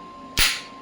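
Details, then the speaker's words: Electromagnetic shockwave therapy device at 1 Hz frequency, applied to the operator's own small joint: a single sharp crack over a steady electronic hum. "अब मैं इसको start करता हूं। आप देख सकते हैं ये वन हर्ट्ज फ्रीक्वेंसी है और मिनिमम एनर्जी है 5 मिली।"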